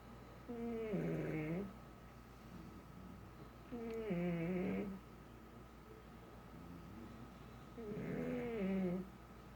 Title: My Snoring Pug